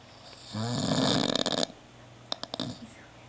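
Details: One loud, rough, fluttering snore on an in-breath, then a few soft snorting clicks as the breath settles, from a sleeping man; ordinary snoring.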